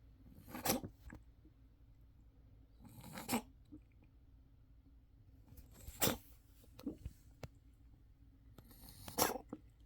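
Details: Kitten coughing: four short, harsh, dry coughs spaced a few seconds apart in a quiet room.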